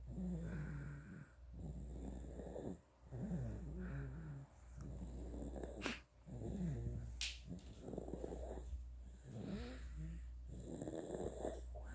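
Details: 9.5-month-old boy asleep, snoring and drooling: repeated rough, gurgly snoring breaths at about 19 a minute with wet rattly sounds, steady low background hum; infant snoring.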